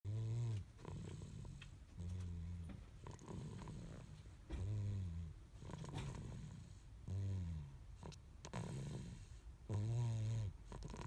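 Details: Snoring recorded at age 14 months 22 days: steady rhythmic snoring, a rough low rattle on each breath at about 22 breaths a minute, with a vibrating buzzy quality on inhalation.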